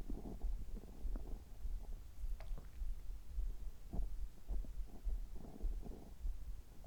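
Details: Abdominal sounds while drinking water just after a health-checkup gastroscopy, which found no problems: continuous low gurgling and rumbling with irregular bubbling pops; ordinary bowel sounds.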